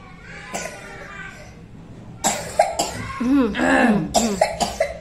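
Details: Young preschool girl with sudden coughing attack at school, still sick, taken to the school health room: repeated harsh coughs in bursts with voiced breaths between; persistent coughing bout.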